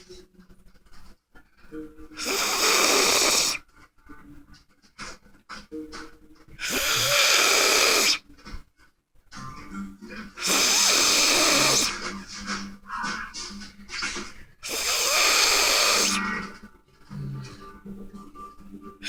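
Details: An adult who has passed out asleep snores loudly and harshly, like a bear, while his nose is tickled. Four long rasping inward breaths come at about 14 per minute; heavy snoring.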